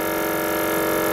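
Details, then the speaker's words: EMT/paramedic skills demonstration of oral airway suctioning on a practice patient, with suction set to 300 mmHg: the suction unit runs with a loud, continuous, steady motor hum. "dial my suction up to 300 mm of mercury test suction against my glove hand once I have test suction I'm going to go ahead and insert no further than I can see apply section"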